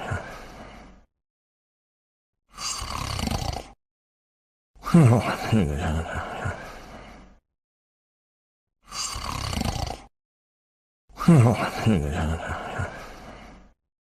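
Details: Exaggerated, groaning snore cycles about nine a minute separated by silent gaps; a cartoon-style imitation of snoring while sleeping.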